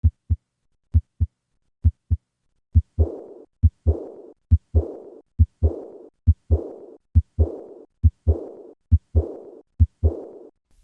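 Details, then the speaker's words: Aortic regurgitation at left sternal border: regular heart sounds near 68/min with high-pitched blowing decrescendo diastolic murmur starting right after the second sound; murmur louder with handgrip (increased afterload). "this high-pitched blowing diastolic murmur heard along the left sternal border is typical of aortic regurgitation notice the de Crescendo nature of this murmur"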